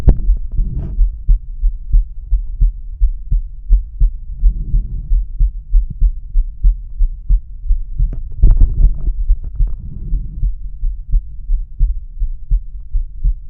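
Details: Adult male, stethoscope diaphragm: steady, regular lub-dub heartbeat near 87 a minute with brief scraping as the stethoscope moves; normal heart sounds.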